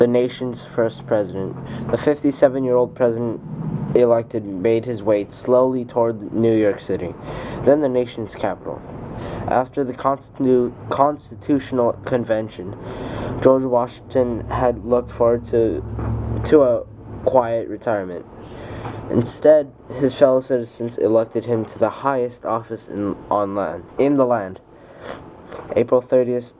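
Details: Male speaker with a self-reported speech impediment reading aloud from a history book as practice, stumbling on words; speech disfluency (unspecified speech impediment).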